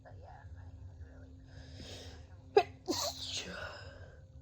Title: Compilation of Cold Sneezes